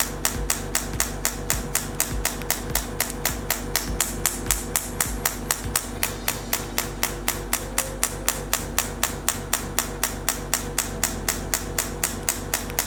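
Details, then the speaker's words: Radial shockwave therapy handpiece (3rd-gen ESWT machine T8+) firing with gel on skin over the trapezius muscles, moved in slow motions or small circles: rapid, very regular sharp clicking pulses, about four per second, with background music. "Tap the switch on the handle. Manipulate the trapezius muscles in slow motions or slow small circles, manipulating the diastasis perpendiculars."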